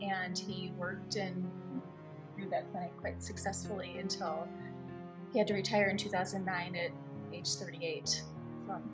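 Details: Adult female narrator over background guitar music; normal speech.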